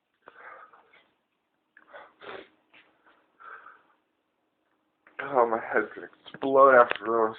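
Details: Adult with whooping cough (pertussis), ill about 2 weeks, tested by a doctor and on medication, filmed around 7am: faint cough bursts then loud strained gasping, high crowing whoops on inhaling; fits recur hourly, cause dry heaving, vomiting.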